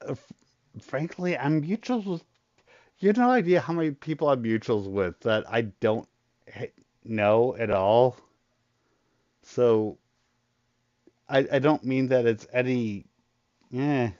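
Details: Adult male with a very large stutter, controlled only to a degree after extensive voice therapy; he still stutters; stuttering.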